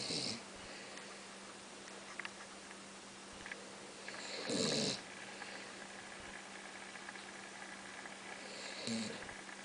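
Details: Sometimes snores in sleep: two or three noisy breath sounds, each several seconds apart, over a steady room hum.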